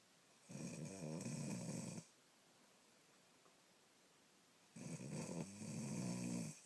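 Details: Sleeping dog keeping "my girl" up all night: two long, loud, rattling snores on inhalation, each about 1.5 seconds, separated by a quiet pause. Heavy snoring.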